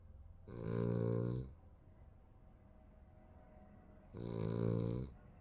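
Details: Sleeping baby snoring: two long, buzzing, tonal snores on in-breaths with quiet breathing between them.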